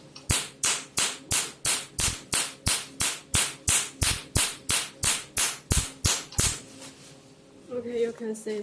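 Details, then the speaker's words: Sharp, evenly spaced snapping pulses, about three a second, from a handheld picosecond tattoo-removal laser firing during a machine demonstration. "use low energy this is low energy so the power is not that strong"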